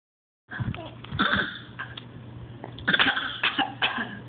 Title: fake cough